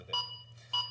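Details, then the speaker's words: AED defibrillator metronome pacing chest compressions during a CPR demonstration after a shock is delivered, with two minutes of CPR before re-analysis: two short electronic beeps about 0.6 seconds apart. "you can hear the CPR gets quicker as the person gets more confident"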